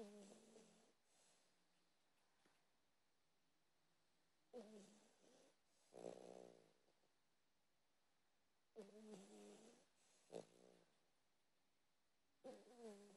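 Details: Rhythmic snoring breaths about every four seconds, roughly 14 a minute, with a soft purring rattle on some breaths.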